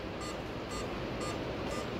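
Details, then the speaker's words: BLS CPR training manikin in test/coach mode set to 30 compressions and 2 ventilations: steady, evenly spaced feedback beeps about twice a second over room hiss, with different tones for compressions and ventilations. "अभी मैंने test mode on किया है तो ये जो दीप आप देखेंगे अलग-अलग डिफरेंट साउंड का है"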